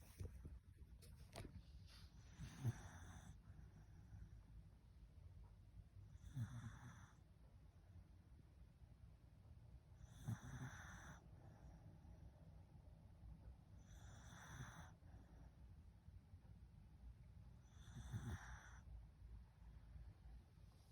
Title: Soothing Doggie Snores